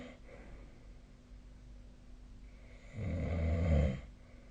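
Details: Nightly snoring recording, 2025/03/03, with a snoring-tracking app (SnoreLab) mentioned; snoring.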